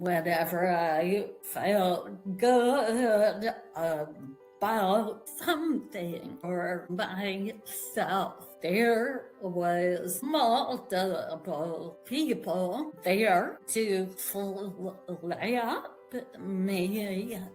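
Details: Adult woman with a vocal tremor attributed to over 50 years of narcissistic abuse and trauma beginning at age five, manifesting after decades of abusive relationships; vocal tremor.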